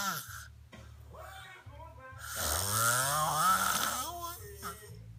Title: Snoring